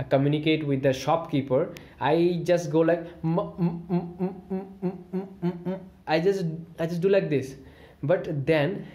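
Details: Adult man who has stammered since childhood, using talking on the exhale after diaphragmatic breathing as a management technique; stuttering.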